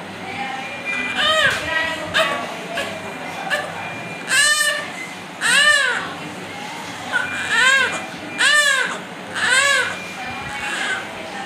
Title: New born baby City Children's Hospital Admitted in nicu